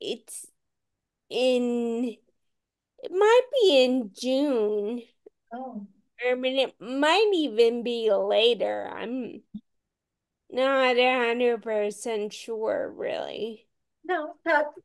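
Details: Ataxic dysarthria in a woman with Friedreich's ataxia, a rare, genetic, progressive disease, diagnosed at age 16; real speech, and she reports voice issues.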